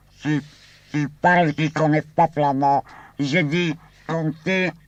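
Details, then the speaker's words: Speech after laryngectomy using a pneumatic artificial larynx (the 1952 "laryngophone", a balloon-like squeaker membrane), recorded in 1964: fixed-pitch, reedy, buzzy voice with a steady low hum under the pauses. "in 1952 I constructed an apparatus and called it a lorenxophone I was inspired by a balloon with a little squeaker in it when we pinched the balloon out comes a specific sound this little squeaker was worked into my apparatus in a form of a membrane"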